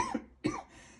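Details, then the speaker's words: Two short, sharp coughs from an adult about half a second apart, in a quiet small room; an ordinary cough. "je sais que c'est peut-être pas forcément agréable d'écouter une vidéo où on tousse"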